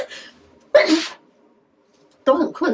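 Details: Sneeze from a young woman, induced by a swab test: a brief intake, a sharp explosive sneeze, then a second shorter burst after a pause.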